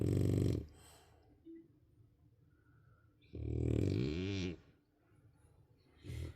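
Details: Sleeping bulldog puppy snoring: loud rumbling snores, each about a second long, with quiet pauses between them.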